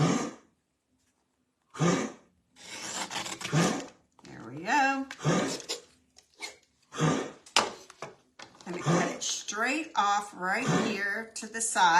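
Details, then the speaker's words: A dog with an undiagnosed chronic cough gives repeated harsh, explosive coughs and hacking bursts in a small indoor room, some with a honking or retching tone. "sorry if you hear that noise that is my dog he's had a chronic cough that we can't seem to figure out what's going on with"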